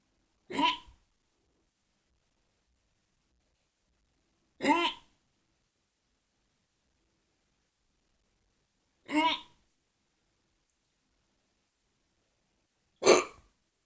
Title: Hiccups for you......anony mous